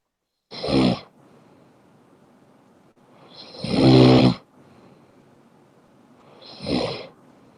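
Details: Person snoring while apparently asleep: three loud, rough, rumbling breaths about three seconds apart, with quiet gaps between them.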